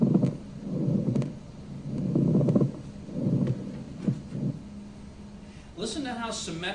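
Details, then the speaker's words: Rough, dry, grating low sounds like creaking old leather, repeating evenly and symmetrically with breathing, drier than rhonchi: a pleural friction rub from inflamed pleura, demonstrated for nurses. "that sound is see how that sounds a lot more symmetrical than the ronai did the ronai was just kind of random bubbling but that's more of a symmetrical sound"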